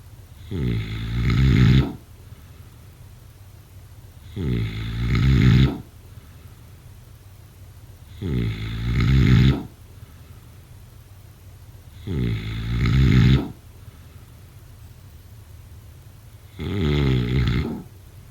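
Loud, regular low rattling snores on each breath in, about 16 a minute, with quiet pauses between: snoring.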